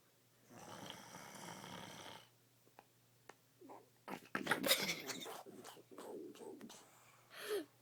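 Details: Father snoring loudly: a long rough rattling breath, then bursts of irregular snorting in a quiet room.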